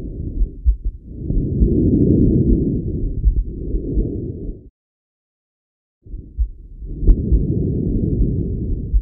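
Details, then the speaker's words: Normal tracheal breath sounds over the neck of a healthy person: intense, harsh, hollow, high-pitched, heard in both phases, slightly stronger on expiration, with a marked pause between phases. "these sounds are intense harsh high pitched audible in both phases of ventilation but slightly stronger and expiratory with a marked pause between the two phases"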